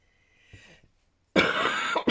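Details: A single loud, harsh cough burst follows a brief quiet rustle in a small room.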